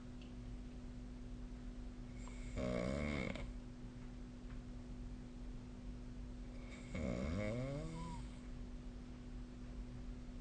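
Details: Two loud rattling snores about five seconds apart over a steady room hum; sleep snoring.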